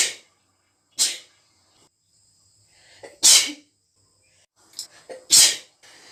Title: wet rapid strong sneezes by indian girl